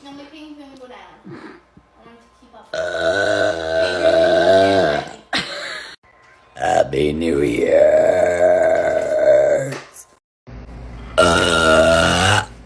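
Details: Adult woman (a mom) deliberately burping hard; she says she sometimes swallows air. Three long, loud, drawn-out voiced belches with short pauses between them.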